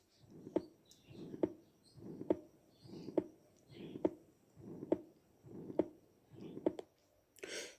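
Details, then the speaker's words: Ventricular septal defect: a regular heartbeat near 69 a minute with a harsh pansystolic murmur filling each systole, best heard at the 4th–5th intercostal space and radiating across the precordium. "طبعا هذه المرمر تصنف ضمن البان سايستوليك مرمر. الصوت مالتها يكون هكذا."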